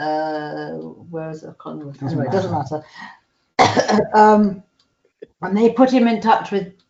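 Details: Woman with aphasia after a stroke eight years ago, treated with speech therapy exercises. Aphasia with word-finding difficulty.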